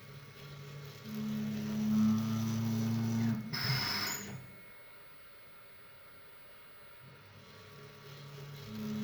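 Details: Mechanical ventilator made in Ethiopia cycling: a low motor hum builds, then a brief hiss of released air, then quiet.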